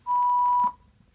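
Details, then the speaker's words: Single clear high half-second beep, the shock-delivered tone from a ZOLL AED Plus Trainer2 in a simulated instructor-run rescue scenario, after the prompt "shock advised, don't touch patient, press flashing shock button"; CPR prompt follows. "shock advised don't touch patient press flashing shock button"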